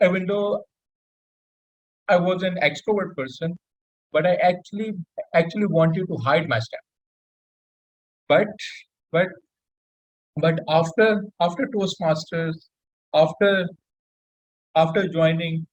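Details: Adult male introduced as a person who stammers, speaking on a public-speaking panel with frequent word and phrase repetitions; stuttering (stammering).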